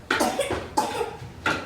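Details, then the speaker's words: Young child with a pretty ugly cough before bedtime, watery runny nose, RSV suspected in family: three harsh, abrupt coughs in quick succession in a quiet room. "i don't know if you can hear it but jojo's got a pretty ugly cough"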